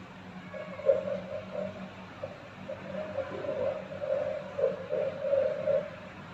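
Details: Angel Sounds JPD-100S9 fetal Doppler switched on during an unboxing demonstration: steady hiss with a wavering mid-pitched hum, no heartbeat pulses heard; static noise.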